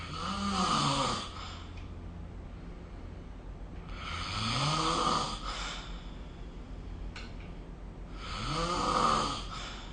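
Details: Loud, regular rattling snores on each in-breath, about 18 breaths a minute with quiet pauses between, recorded during sleep with the SnoreLab app.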